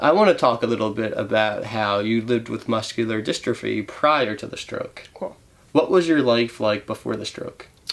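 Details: Adult male interviewer; typical speech.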